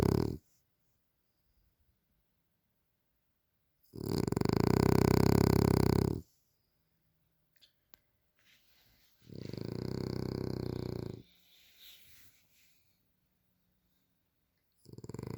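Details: Loud, long rattling snores with quiet pauses, repeating about every five to six seconds, from a pet described as a "frenasia" asleep; heavy snoring.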